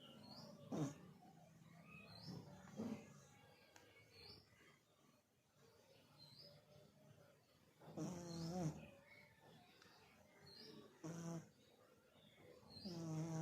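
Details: Cat snoring: rhythmic, rattling breath noises at each breath with faint music in the background.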